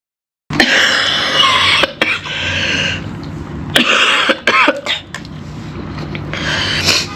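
An adult coughs and clears the throat several times in short harsh bursts while congested with a cold.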